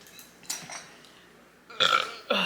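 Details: Faint mouth sounds while hungrily eating a messy lettuce-wrapped burger and fries as the first meal of the day, then a loud throaty voiced burp followed by a second short one; burping.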